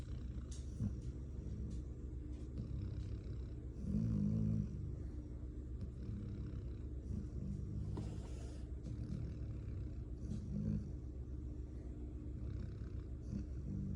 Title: Bear snoring 01/10/25